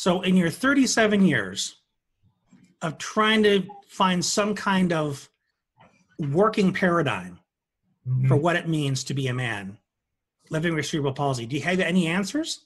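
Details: Adult male speaker; typical speech.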